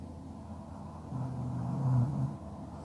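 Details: Snoring during sleep in an ASMR recording: a single low, rumbling snore that swells and fades over a steady low background hum.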